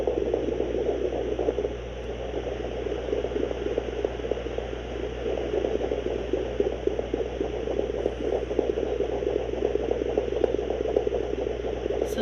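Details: Pregnant Great Dane at day 41 of gestation, prenatal Doppler heart listener used at home: rapid whooshing pulses of roughly 220 a minute; canine fetal heartbeats.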